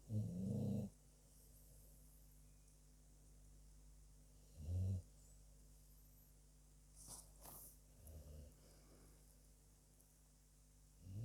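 Low, rumbling snorts during sleep, spaced several seconds apart, over a steady background hum. Snoring in a sleeping dog.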